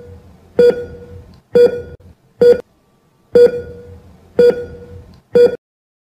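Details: ECG heart monitor beeping: short, clear tonal beeps, one per heartbeat, at about 60 a minute.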